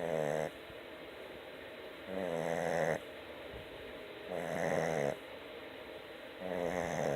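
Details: Rhythmic rattling snores about every two seconds, with quiet breathing between, from Luna, a sleeping small Boston Terrier dog; snoring.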